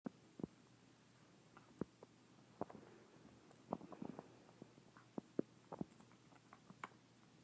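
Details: 3-day-old newborn with hiccups, possibly getting hungry: soft, brief repeated catches in a quiet room, about ten over several seconds.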